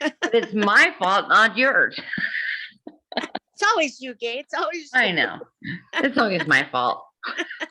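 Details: Adult speaker; unaffected speech.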